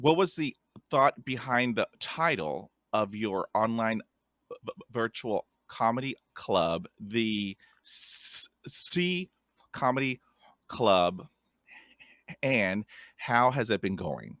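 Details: Stuttering in a podcast host who stutters and describes having a speech impediment; stuttering.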